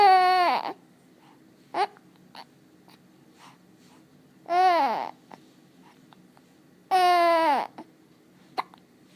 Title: Spit bubbles AND the hiccups! Oh my!!